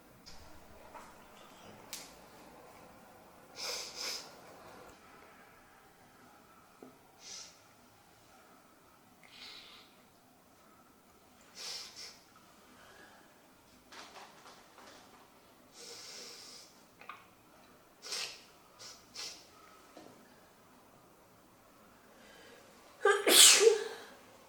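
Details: Soft sniffs and snorting breaths build up and end in one loud, forceful sneeze.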